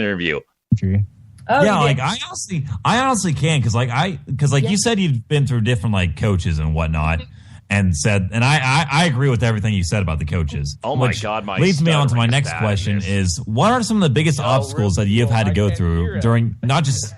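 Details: Adult host recorded in an earlier Skype interview, which he says was a time his stuttering was terrible; stuttering.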